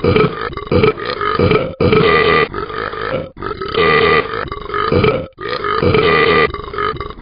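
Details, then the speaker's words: Simulated burping by the cartoon dog Talking Ben from an app: a run of long, loud, drawn-out burps with brief pauses, after he asks why he burps when he drinks and eats. "Man, why do I burp when I drink and eat?"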